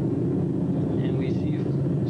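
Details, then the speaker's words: Normal EMG full interference pattern played through the machine's speaker: dense crackling motor unit potentials from a needle in the thenar eminence muscle during full voluntary contraction. "you see those each one of those are called motto motor unit potential [Music] interference pattern when you have a full contraction"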